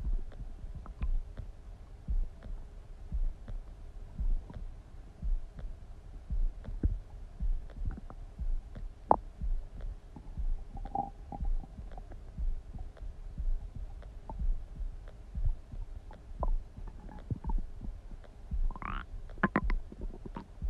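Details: Low, soft gurgles and thumps from the recorder's own adult abdomen, with brief higher squeaks near the end: bowel sounds, stomach rumbling.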